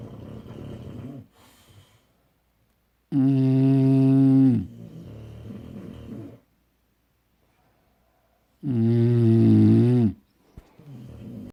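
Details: Sleeping cat snoring: loud, rough, buzzing snores with quieter breaths between, roughly every five seconds; snoring.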